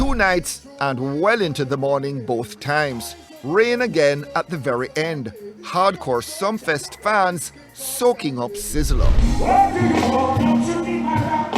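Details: Adult speaker (news-style narration); normal speech.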